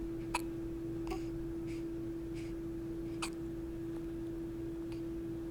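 Repeated short, sharp hiccup sounds about once a second over a steady background hum.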